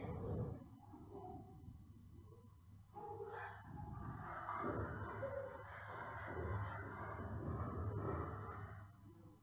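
Continuous low, rough snorting and snuffling breathing noise from two dogs: stertorous upper airway obstruction, consistent with grade 2 brachycephalic obstructive airway syndrome.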